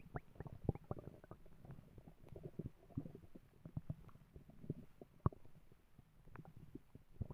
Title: My stomach growling